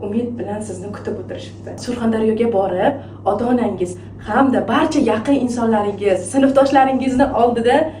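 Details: Adult female speaker (speech therapist); Normal fluent speech.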